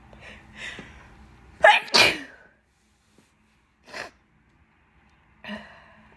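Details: A breathy build-up, then a loud wet double sneeze with spraying release, followed by quieter sniffs and breaths, from a person with an itchy nose during bad pollen season.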